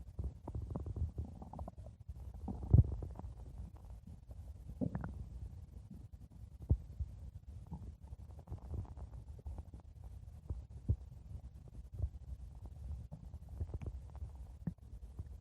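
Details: Stomach growling (borborygmi): low continuous gurgling and rumbling with scattered pops and squelches; ordinary bowel sounds.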